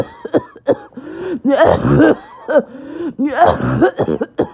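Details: Bad 48 hours of awful cough: repeated harsh barking coughs with strained, whistling breaths drawn in between; barking, wheezing cough.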